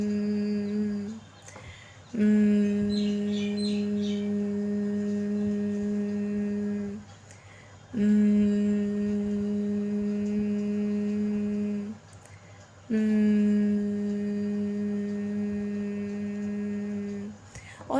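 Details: Woman doing a humming voice-therapy exercise in 10-second sets; with nodules there is little or no vibration and gaps in the voice; humming voice exercise (vocal nodules therapy).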